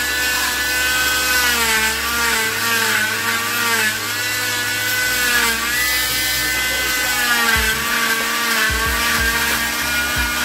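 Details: Loud steady buzzing whine rising and falling in pitch as an oscillating cast saw cuts off a boy's arm cast covering the wrist and elbow.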